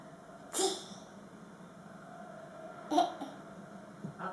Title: sneezing on command :)